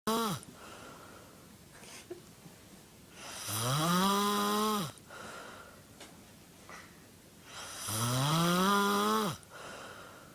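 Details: Friend's funny snoring: loud, drawn-out snores with a musical, whistling quality, about 14 a minute, separated by quieter exhaled breaths.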